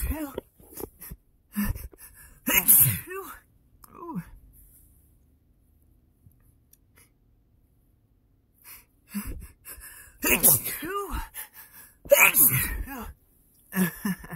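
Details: A person allergic to their own dog sneezing repeatedly after sleeping all night with the dog snuggled up: several sneezes with gasping intakes and voiced moans between them, in a small room; allergic rhinitis.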